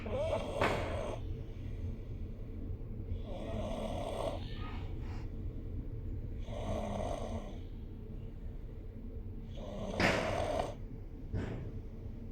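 Soft, regular snoring sounds on breathing in, every three to four seconds, over steady background noise; ordinary snoring.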